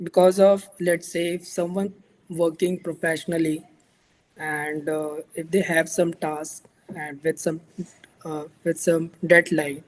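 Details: Real stammering in a male speaker who reports situational difficulty, able to say certain words alone or at a mirror but not in front of a crowd; stuttering.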